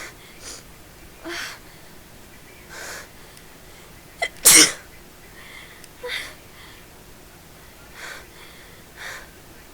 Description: Me caught in yet another sneezing fit.